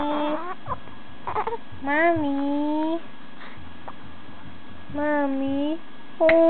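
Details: 2-month-old baby boy: short rising and falling cries and fussing sounds with pauses between, in a quiet room; an ordinary infant cry.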